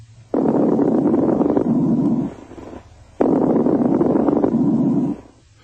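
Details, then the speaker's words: Coarse crackles on lung auscultation: two breaths through a stethoscope with loud, low-pitched, longer bubbling discontinuous crackles through each breath. "course crackles are louder lower pitched and longer"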